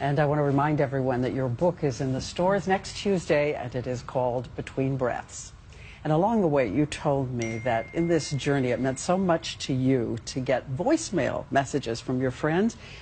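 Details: Adult speaker; normal speech.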